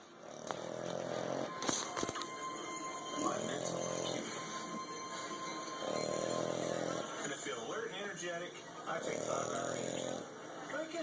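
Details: Miniature English bulldog snoring loudly during sleep: regular snores, about one every three seconds (roughly 20 a minute), with television or music playing in the background.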